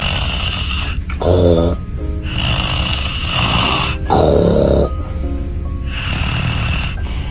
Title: Ranking funny snoring moments #funny #ranking #subscribe #snoring